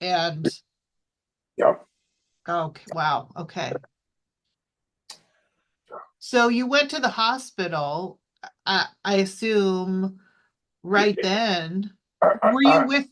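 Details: Adult speaker in a small room; no disorder.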